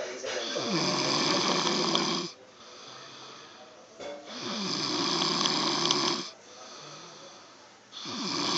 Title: My step dad snoring saying he dosent snore!!!